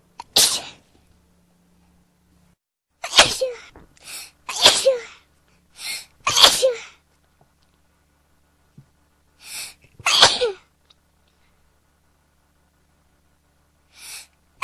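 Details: Person trying to stop sneezing: rapid series of about nine sharp, explosive sneezes in close succession, some in quick pairs; a sneezing fit.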